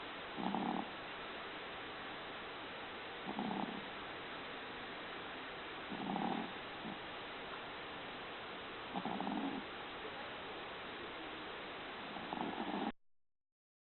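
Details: Maltese dog snoring: soft, regular snoring bursts on each breath, about 20 a minute, over steady background hiss.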